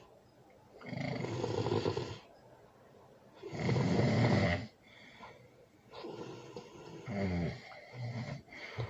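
Loud, harsh, noisy snores with shorter rattling breaths between them: heavy snoring during sleep.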